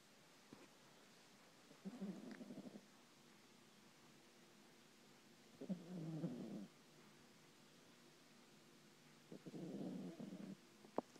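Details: An unexpected strange snoring sound coming from someone asleep in a chair: snoring.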